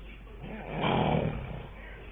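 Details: A man (a dad) snoring: one deep, rumbling snore swelling and fading over about a second, on a muffled low-quality recording.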